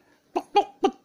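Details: Child coughing with a cold: three short, voiced coughs in a quiet room.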